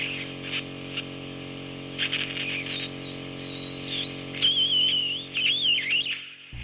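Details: Woman in her 90s, bedbound and hard of hearing with completely blocked ears, wax softened by oil and eardrops: steady high suction hiss with whistling, squealing pitch changes as a thin layer is peeled and drawn into the tip; ear wax microsuction.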